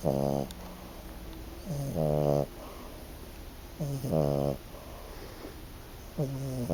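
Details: Snoring from a five-month-old French Bulldog.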